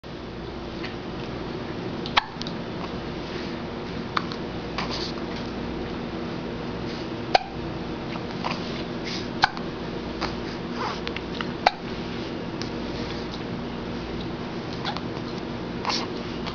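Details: Baby girl: soft, sharp hiccup clicks recur every two to three seconds over steady room hum; infant hiccups.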